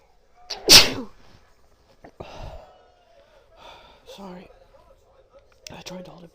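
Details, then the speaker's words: Single forceful sneeze from an adult woman after a day of repeated tickles and false starts, followed by quiet breaths and soft voiced sounds; she then blows her nose: sneeze. "I've been feeling like I was going to sneeze all day like I had like five false starts it was so frustrating"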